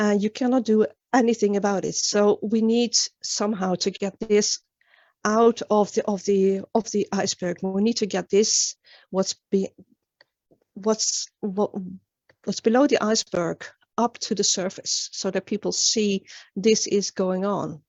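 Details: Real adult woman, an international stuttering advocate from Sweden, with developmental stuttering that began at age nine, speaking in a public talk. The finding is stuttering.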